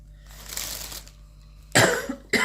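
A single short, dry cough in a quiet room, followed by the start of speech.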